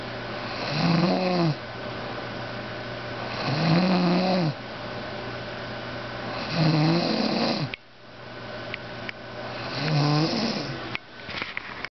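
Loud, regular rumbling snores on each breath in, about four in twelve seconds, a slow breathing rate during sleep.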